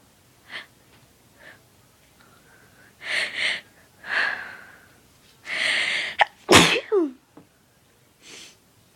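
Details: Induced sneeze: quick in-breaths build up, then a loud, explosive sneeze, followed by a brief exhale.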